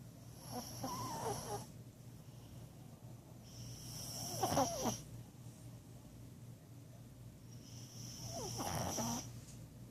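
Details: Small dog snoring very loudly: soft rhythmic snoring breaths, about three cycles in ten seconds, with a whistling, snorting edge over steady room hum; dog snoring.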